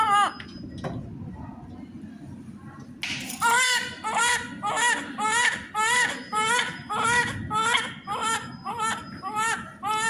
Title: Baby first crying. #Baby #newborn activities